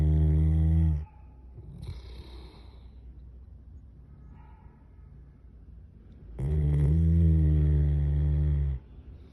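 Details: Dog in deep sleep snoring like a human: deep, loud, drawn-out rumbling snores about two seconds long, separated by long quiet pauses; heavy snoring.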